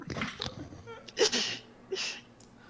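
A short burst of noise followed by two sharp, hissing sneeze-like blasts close together.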